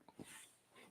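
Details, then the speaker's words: An adult's stomach growling during a livestream: a brief, faint, low gurgling grunt with a soft rumble over quiet room noise; normal digestive sound. "hope you didn't hear that that was my stomach growling"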